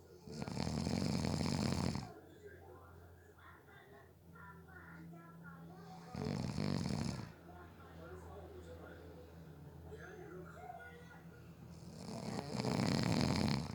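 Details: Snoring during a nap, person fell asleep within 30 seconds: loud rattling snores on three in-breaths, about 13 a minute, quieter breathing and room noise between.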